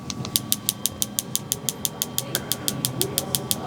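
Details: Focused shockwave therapy for patellar tendinopathy of the knee, started at a reduced baseline intensity on the upper tendon; the patient rates it 1 out of 10. Rapid, regular sharp clicking pulses, about three per second, over a faint tone.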